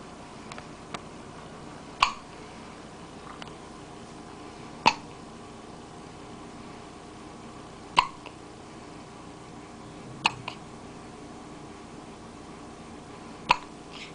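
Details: Hiccups: five sharp, brief hiccups about every 3 seconds, roughly 20 a minute, against quiet room noise.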